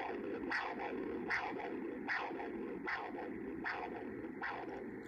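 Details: Pulsed-wave Doppler of the carotid artery on a MiniSono ultrasound system during a vascular study: rhythmic whooshing pulses at about 76 per minute over a steady hiss, normal pulsatile arterial flow in the common carotid artery.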